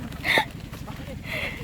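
A single short, abrupt voiced catch against steady background noise, consistent with a hiccup.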